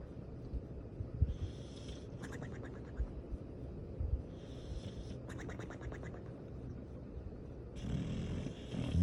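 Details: Sleeping dog snoring with a cartoonish sound: repeated rattling snores alternating with soft whistling breaths, ordinary snoring.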